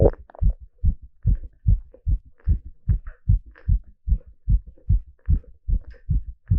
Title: ECG stress test with live heartbeat sound